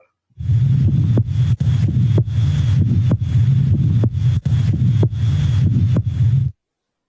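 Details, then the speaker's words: Teaching auscultation recording: regular heart sounds over heavy low rumble, about 65 beats a minute; softer first sound, louder second, longer pause in diastole; normal first and second heart sounds. "por lo tanto el ruido de menor intensidad en este caso es el primer ruido ahora se lo voy a hacer escuchar de nuevo entre el segundo y el primer ruido hay un espacio de tiempo mayor y es la diestra"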